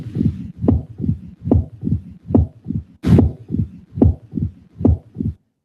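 Regular low heart sounds at about 72 a minute, with an extra early sound after the second beat giving a triple rhythm: an opening snap of mitral stenosis.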